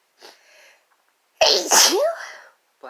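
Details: Faint preparatory breath then one loud sharp sneeze with voiced trailing cry, in a sneezing fit induced by chhinkni (sneeze-inducing snuff), female and male participants.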